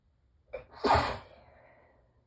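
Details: Morning allergy sneezing, muffled with tissues pressed tightly to the face: a short inhaled gasp followed by one muffled, stifled sneeze.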